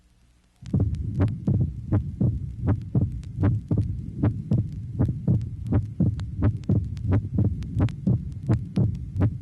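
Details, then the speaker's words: 1967 auscultation teaching record, tracing 22: mitral stenosis, heartbeat about 80 a minute with loud first sound, opening snap after the second sound, and low-pitched diastolic rumble with presystolic accentuation. "tracing number 22 mitral stenosis two phonocardograms of the same patient loud first heart sound and opening snap clearly identified in diastole following the second sound indicated by the abbreviation o s"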